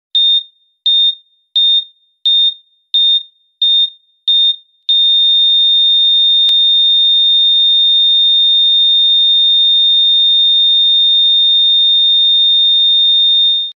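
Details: Simulated heart rate monitor sound effect: seven short beeps, then one unbroken high tone, a flatline alarm signalling no detected heartbeat or death.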